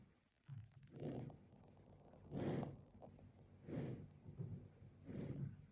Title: Have you heard pandas sleep and snore